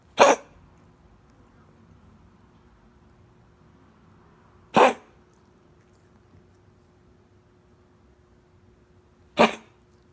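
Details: Dog coughing: three short, harsh coughs spaced about four to five seconds apart in a quiet room; owner asks what it ate.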